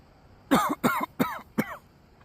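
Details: A man outdoors gives four short, harsh coughs in quick succession.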